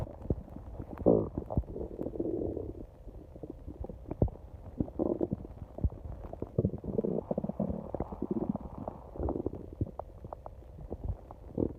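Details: Long stomach growling at night: low gurgling and rumbling borborygmi with bubbly pops continuing throughout; ordinary bowel sounds.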